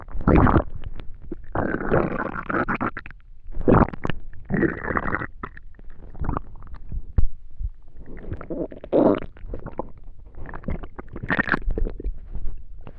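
Loud gurgling and rumbling bursts from the abdomen, some squeaky, with short pauses: ordinary digestive bowel sounds, stomach growling.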